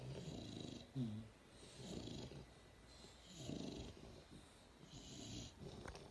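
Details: Several soft, low rumbling breaths with hissy exhalations from multiple sleeping dogs lying around an office; dogs snoring.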